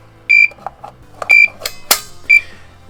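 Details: Heart pump (LVAD) controller alarm in a patient with cardiomyopathy: three loud, steady high-pitched electronic beeps about one second apart, signalling a lost power source.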